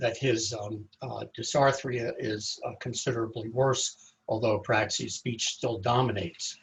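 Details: Adult male speaker; typical speech.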